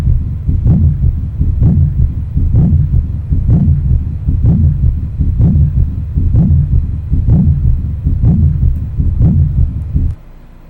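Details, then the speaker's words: Regular scratchy, grating sounds with each heartbeat at about 63 a minute over a low rumble, played as a teaching example during a cardiovascular exam lecture; pericardial friction rub. "Ahí podemos escuchar como se escuchado un frote pericardio."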